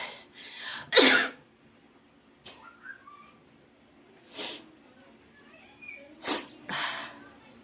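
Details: Sneezes set off by tickling, recorded in the Philippines: a few sharp, hissing bursts with short breaths between them, in a quiet room.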